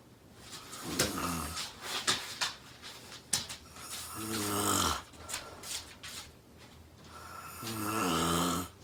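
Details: Loud, harsh snoring with a rattling vibration on each breath, about 17 breaths a minute and somewhat irregular, from a woman asleep on the couch, loud enough to be heard across the room.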